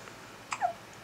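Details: A single short, abrupt hiccup with a brief voiced catch over faint room noise, recorded 6 Nov 2009; hiccup.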